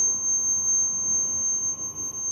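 Steady high-pitched electronic tone over machine hum as the ventilator's compressor switches on; a start-up alarm.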